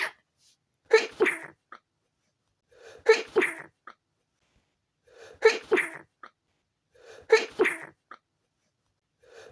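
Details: Stifled sneezes from a person with a tickly nose after leaving the windows open overnight: four short, sharp, muffled suppressed bursts, each with a catch of breath, about two seconds apart.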